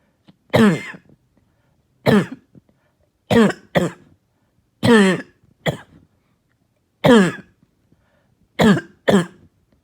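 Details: Barking, hacking cough heard all night: harsh barking coughs, often in pairs, about ten bursts in ten seconds in a quiet room.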